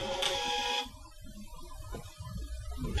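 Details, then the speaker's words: Mediana YM1000 vital signs monitor printing a patient's stored readings after the print button is pressed: brief high-pitched mechanical whirring of the built-in thermal printer, then quieter room noise. "as I go into these readings and I decide I want to print them out if I press the print button here it then prints out my readings for me"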